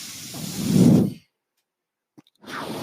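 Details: The speaker's own mechanical ventilator, heard during a spoken podcast recording: a soft airy whoosh swells and fades, then a brief pause before the next airflow, the cyclic mechanical ventilator noise of delivered breaths.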